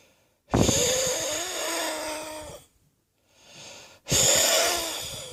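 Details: Morning coughing and wheezing attributed to a viral chest infection: two forceful coughs trailing into long musical whistling wheeze, with a quieter breath between.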